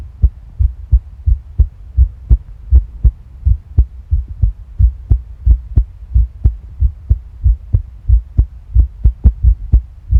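Regular paired low heart thumps at about 90 beats a minute, with a soft background hum.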